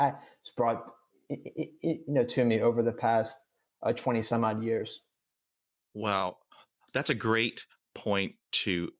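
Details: Adult man who stutters, speaking in a real podcast interview; stuttering.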